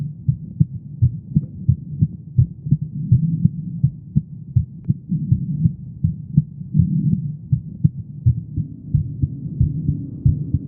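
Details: Steady, regular low heart thumps at about 82 beats a minute over a faint low hum, from a female: an ordinary normal heartbeat.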